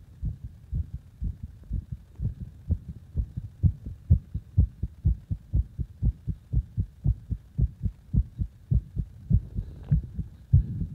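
Strong, regular low thumping heartbeats at about 125 beats per minute; a forceful, fast heartbeat.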